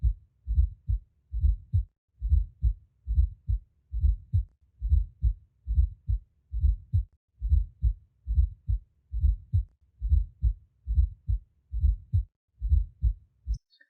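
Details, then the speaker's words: Teaching recording of a fourth heart sound, with the extra sound much closer to S1 than to S2, played for comparison with normal and S3 sounds; S4 gallop. "now note the difference with an s4 heart sounds which will be much closer remember the s4 component will be much closer to s1 than it is to s2"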